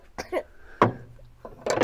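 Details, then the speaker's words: A young boy coughing in the background of a small indoor room: three short, abrupt, dry coughs heard from nearby, a plain cough. "I have the young lad here with me, by the way, if you hear the coughing in the background."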